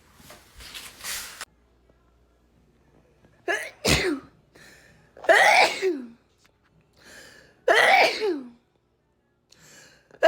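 A few sharp sneezes follow one another in quick succession with short in-breaths between them: a rapid sneezing bout.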